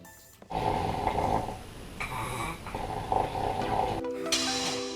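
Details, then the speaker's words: Loud snoring roaring through a room, shown as a sign of sleep apnea syndrome, in which breathing stops during sleep. "部屋に響く唸りを上げる響いきすると寝ている間に呼吸が止まってしまう睡眠時無呼吸症候工具"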